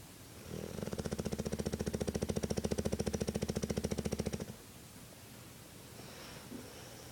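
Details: Male bulldog weighing about 90 lbs snoring while asleep: one long, loud, rapidly fluttering rattle lasting about four seconds, then quiet breathing.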